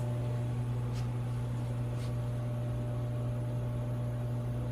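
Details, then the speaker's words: CoolSculpting cryolipolysis applicator demonstrated on a volunteer patient: steady low humming suction drone as skin is vacuumed into the applicator, with cooling panels to freeze underlying fat; patient feels a tiny tug, not uncomfortable. "the skin is actually going to be vacuumed into this device right here and then there's cooling panels right in here that's going to be applying the freezing mechanism to the underlying fat"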